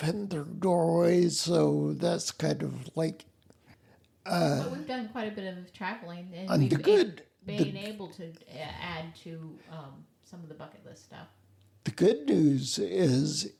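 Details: Adult male speaker; conversational speech.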